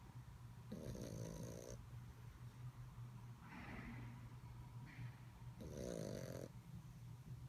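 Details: Sleeping puppy snoring: two buzzing snores with soft breaths between them and a low room hum.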